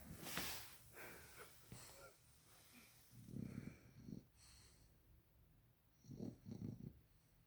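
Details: Sleeping Victorian Bulldog, tagged as a puppy: irregular snorting, rattling breaths with soft wheezy noises; snoring.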